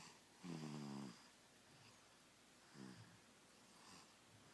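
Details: Little girl asleep, snoring like her dad: soft, low buzzing snores on each breath, one louder than the rest; snoring.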